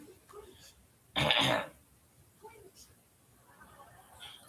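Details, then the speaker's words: Adult coughs and clears the throat, attributing it to acid reflux rather than the lungs, with a persistent urge to swallow during an at-home study with a thin tube. "[cough and clears throat] >> You hear that? That's not >> from my lungs. That's from acid reflux."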